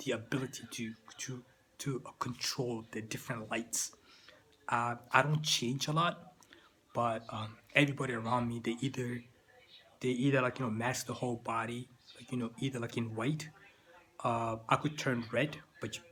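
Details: Adult man with stuttering that began in childhood and persists into adulthood.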